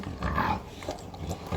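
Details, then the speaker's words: Snoring (stertor) from a bulldog recovering under veterinary care from heatstroke: low, rough, rumbling snore-like noisy upper-airway breathing. "คุณแม่สบายและเห็นแม่อีกหน่อยนะคะจะมีเสียงกรน"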